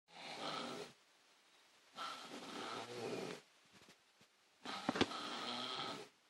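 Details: Adult man (father): three harsh, raspy snoring breaths with quiet gaps, about two seconds apart; ordinary snoring.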